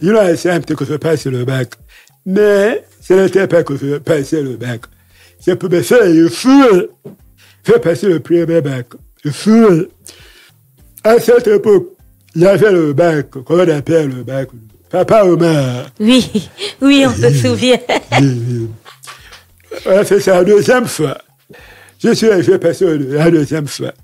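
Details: Adult man, deaf since childhood after an illness, lip-reads, voice altered since a childhood throat operation, speaking French; deaf speech with altered voice.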